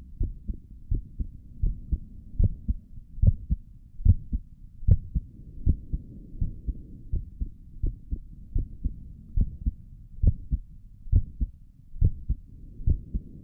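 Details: A person's own resting heartbeat recorded through a stethoscope on the chest for relaxation: steady, soft paired lub-dub thumps at roughly 70 beats a minute, with stomach gurgles elsewhere in the recording; normal adult heartbeat.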